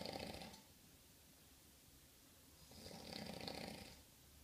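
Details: Two rough, rattling snores on breathing in, separated by quiet breathing out; snoring.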